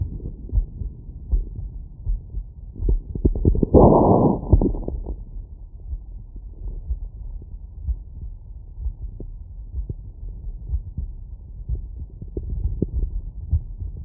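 Quick, steady heartbeat thumps through a stethoscope after exercise, with a brief rustle of contact noise.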